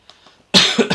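A single sharp, harsh cough burst after faint quiet sounds, with a brief second push at the end.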